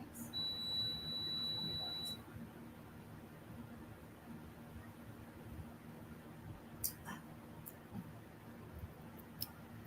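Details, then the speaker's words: A quiet, high electronic alarm tone for about two seconds from a daughter's feeding pump in a small room before it is turned off; feeding pump alarm. "Sorry, that was my daughter's feeding machine."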